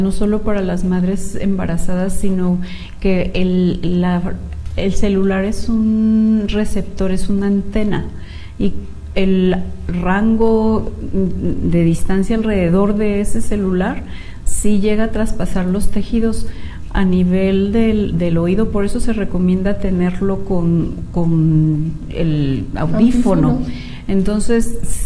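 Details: Patient treated since early childhood for cleft lip and palate, reading a text aloud; clinician reports no nasal voice at all: normal resonance after cleft lip and palate repair.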